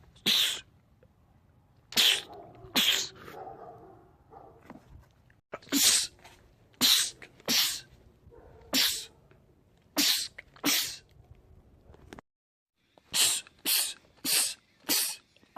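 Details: Sneezing from a compilation of men's rapid sneezing attacks: a run of about fifteen sharp, explosive sneezes in quick succession with brief pauses between bursts.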